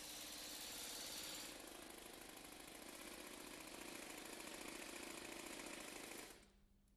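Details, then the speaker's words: Rapid, steady mechanical hammering, about three to four pulses a second, from an Air Pulse pneumatic tool mounted on an extraction screw, extracting an unreamed femoral nail (UFN) after locking bolts are removed, using gentle well-regulated impulses. "the locking bolts are removed and the air pulse is mounted the nail is then extracted with gentle well-regulated impulses"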